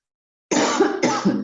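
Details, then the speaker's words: Cough from an adult woman lecturer who says she has a slight cough: brief silence, then two short, harsh, dry-sounding coughs in quick succession. "Estoy con un poco de tos, así que me van a escuchar toser un par de veces."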